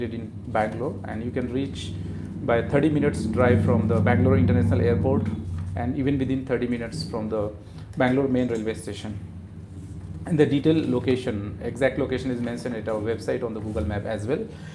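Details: Adult man speaking; normal speech.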